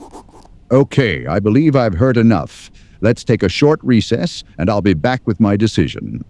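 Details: Adult male speaker, acted; normal speech.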